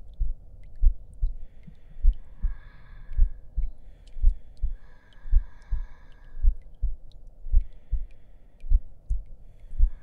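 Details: Steady paired low thumps at about 54 beats a minute with soft whispering and rustling behind, in a simulated ASMR roleplay audio; regular heartbeat.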